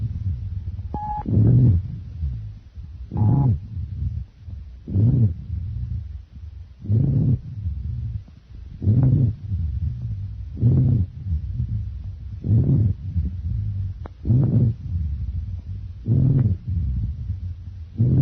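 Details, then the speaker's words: Repeated low, snoring-like rumbling breath sounds: low-pitched wheeze, also called sonorous rhonchus. "that's uh low pitch wheezing sound okay"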